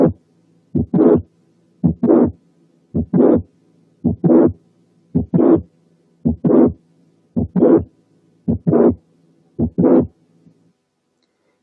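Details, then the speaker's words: Mitral click-murmur: regular heartbeat near 55 a minute. The first sound is followed by a mid-systolic click, then a late systolic murmur running to the second sound. Early systole is clear. "دلوقتي بقى نسمع الكليك والميرمر مع بعض، يعني هنسمع الأول الفيرست ساوند ثم الميد سيستوليك كليك followed by late systolic murmur وأخيرا السكند ساوند. لاحظوا إن الميرمر ما بتبتديش إلا بعد الكليك، وإن الفيرست part of the systole is clear."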